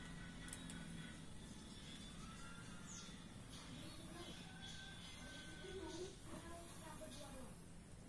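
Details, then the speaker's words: Electric nebulizer running with a herbal preparation, inhaled for 2–3 minutes for immune support (COVID-19 prevention): steady low mechanical hum with faint room sounds. "Jadi ini tinggal dipencet lalu kita menghirup udara yang disini 2-3 menit sekalipun nah seperti ini contohnya"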